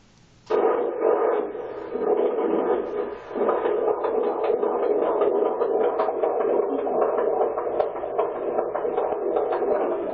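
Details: Doppler probe at 32 weeks of pregnancy: steady rhythmic whooshing, normal fetal heartbeat.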